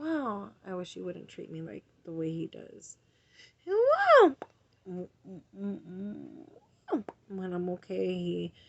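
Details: Woman with a tic disorder interjecting involuntary vocal tics such as words and greetings; vocal tics.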